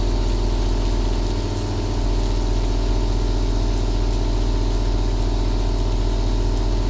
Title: My Favorite Rain and Aerosol Nebulizer Sounds | ASMR for Sleeping, Working & Relaxation | 2 Hours